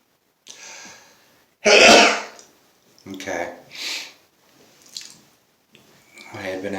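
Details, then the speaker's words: Adult man sneezing non-stop all day, with allergies: a run of several sneezes and sneeze-like bursts with short pauses, in a quiet room; repetitive sneezing. "I've been sneezing all day and I thought hey I would take a video of it because it's like non-stop"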